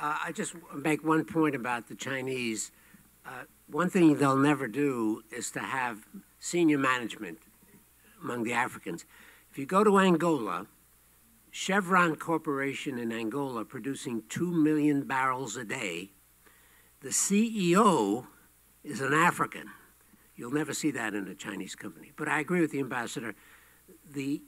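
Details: Adult male speaker; Normal voice.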